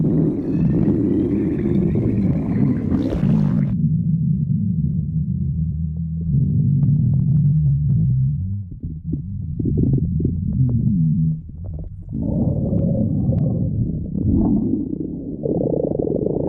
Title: Stomach growling tribute 1